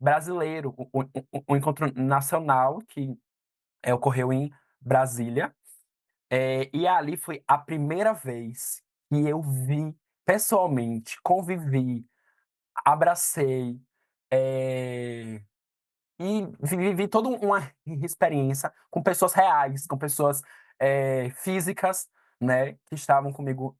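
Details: Stuttering in a 22-year-old man who has stuttered while growing up, speaking Brazilian Portuguese; stuttering.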